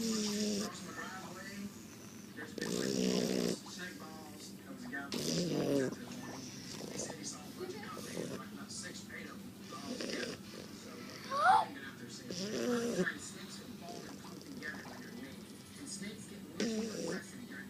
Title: Shar Pei snore ^^[Thailand]